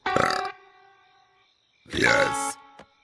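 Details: Cartoon burp compilation of female characters: two loud, drawn-out exaggerated animated burps over a music bed; burping.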